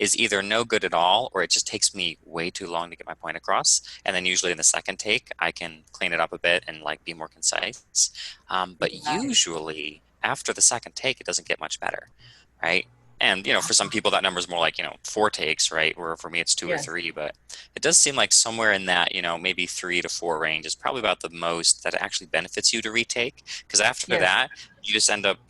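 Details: Adult male speaker; normal conversational speech.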